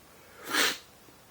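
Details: Sneezing in a man who says he has sneezed uncontrollably 5–50 times daily since 2011, doctor-diagnosed allergies to dust, pollen and trees; a single breathy, hissing sneeze with a short rise and fall in a quiet room.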